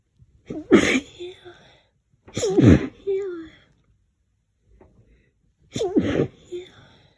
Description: i’m not allergic to lavender but i’m pretty sensitive to it.. thought i’d just stick my face in it and see how much i sneeze.